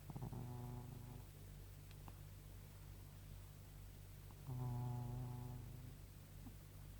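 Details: Cat sleeping next to the owner at bedtime making a strange snoring noise; snoring.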